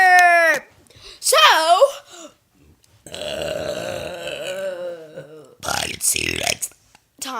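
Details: Burping on purpose in a burping challenge: several loud, drawn-out, rumbling burps between bits of vocalizing; ordinary belching.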